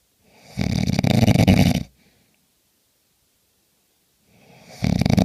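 Loud, harsh, rattling snores on breathing in, with near silence between them: snoring.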